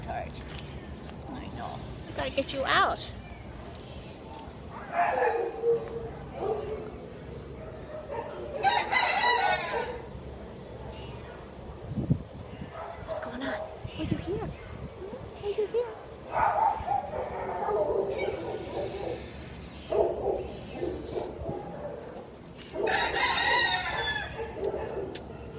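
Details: 4-month-old dachshund/miniature pinscher mix shelter puppy with kennel cough, giving repeated harsh, goose-like honking coughs.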